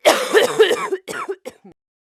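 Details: A 36-year-old woman gives a run of harsh, wet-edged coughs trailing into weaker bursts, unable to catch her breath; an acted sick cough recorded with a Sennheiser 416 shotgun microphone as a sound effect.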